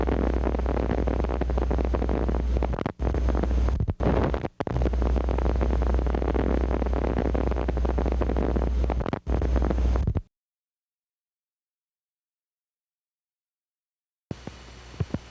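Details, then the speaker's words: Normal needle EMG teaching example: continuous seashell-like hiss of end plate noise with irregular brief spikes sputtering like fat in a frying pan; end plate noise and end plate spikes (nerve potentials). "End plate spikes nerve potential are irregularly firing brief spikes with a sound like the sputtering of fat in a frying pan originating from the nerve endings."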